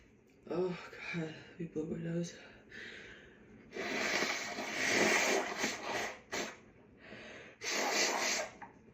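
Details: Woman with allergy (hay) sneezing fit: short voiced moans and catching breaths, tickle complaints, then several forceful, hissing sneezes and nose blowing in a small room.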